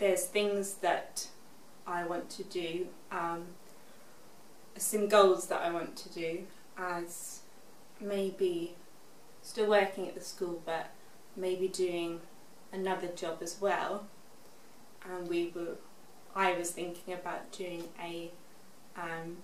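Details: Expressive aphasia in a 24-year-old woman, six years after a stroke at age 18.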